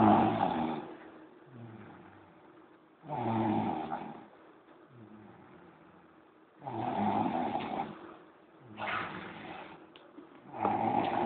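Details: Snoring during a noontime nap: loud, rough snores on each breath at about 17 breaths a minute, with quieter breathing between them.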